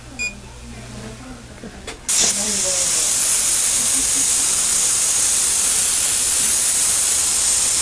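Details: Steady loud high-pitched hiss and whine of a dental drill with water spray while placing the permanent filling at the end of a root canal on a crowned front tooth with a dead nerve and bone abscess; dental drill.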